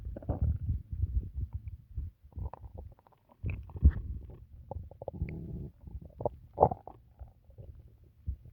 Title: stomach noises from drinking water